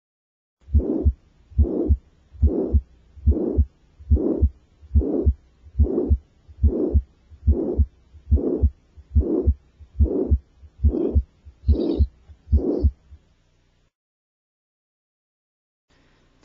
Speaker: the murmur of ventricular septal defect is holosystolic loudest at the fourth intercostal space sometimes the murmur of ventricular septal defect can be confused with the murmur of aortic stenosis or the murmur of mital regurgitation